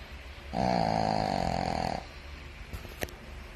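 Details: One long, rattling inhaled snore lasting about a second and a half, then quiet breathing with a couple of faint clicks; snoring.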